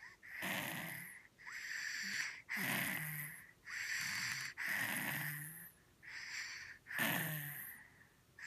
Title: Stuffy nose snoring